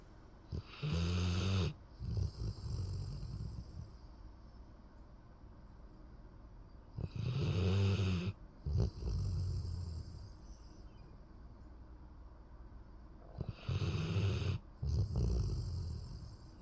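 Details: Snoring labelled 'Golden': deep, rumbling snores on each in-breath about every six to seven seconds, roughly 9 breaths a minute, with quiet breaths out between.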